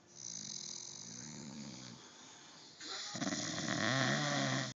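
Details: Rough, fluttering sleep breathing noise that grows louder in the second half: snoring.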